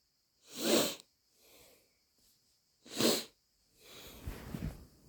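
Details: Two sharp, explosive sneezes, apparently induced, each followed by a softer breathy sound and nose blowing, in a quiet room.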